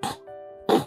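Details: One short imitated throat-clearing burst over soft background music, demonstrating habitual throat clearing, mentioned as a habit that can lengthen the uvula and contribute to snoring.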